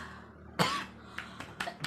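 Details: One clear cough, then a few softer small coughs over quiet room noise: a stubborn cough that has lasted almost a month without getting better, recorded before traditional kerokan (coin-scraping) treatment.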